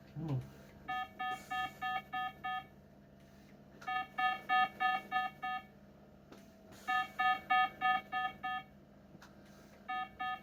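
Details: Pulse oximeter alarm in a patient with 22q11.2 deletion syndrome after a neuro physio session, with syncope, seizures and status dystonia: bursts of repeated high electronic beeps as heart rate drops to 46–48, SpO2 96%; low heart rate alarm.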